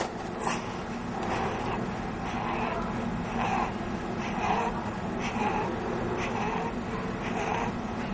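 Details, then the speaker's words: Expiratory wheeze in a child: rapid, rhythmic noisy breaths with a whining, musical sound on breathing out. "Notice that we is always heard as the child breathes out, but that the actual character of the Wii sound can vary from child to child."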